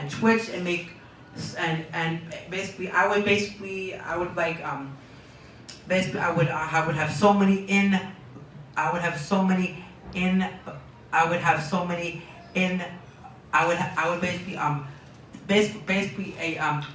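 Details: Young man diagnosed with Tourette syndrome at age four, speaking in an interview; word and phrase repetitions (Tourette syndrome).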